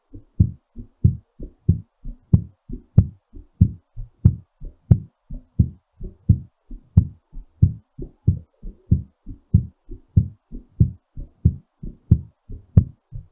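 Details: Heartbeat during recovery after exercise: strong, fast, regular beats at about 92 a minute.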